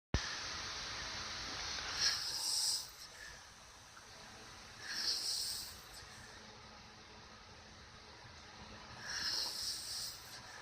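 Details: Three soft, hissing, airy breath sounds about three seconds apart over steady background hiss, from a sleeping dog; soft, breathy snoring.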